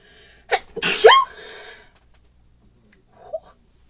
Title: Cute Girl Sneezing 48